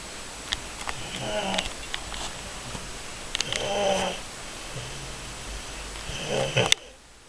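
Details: Snoring from a napping 8-month-old described as a baby bear: soft rhythmic snoring breaths, three or four snorting bursts over a few seconds.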